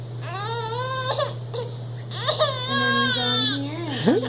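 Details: An infant who can no longer climb out cries with repeated drawn-out, high, strained wails in a small room while parents try to help; ordinary infant crying.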